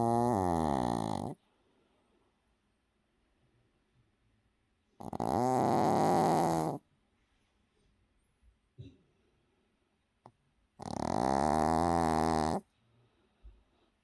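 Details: Milo heavy snoring in sleep: three long, loud, buzzing snores about every five to six seconds, near-silent between them.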